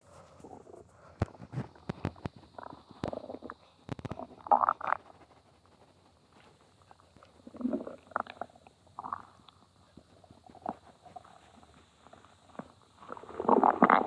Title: another rouge stomach growling